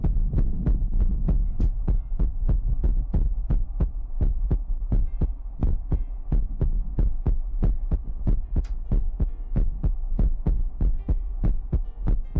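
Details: Heartbeat sound in a Chinese ASMR livestream featuring mouth sounds, ear picking and water drops: loud, steady, deep thumping at about 94 beats a minute over a low hum.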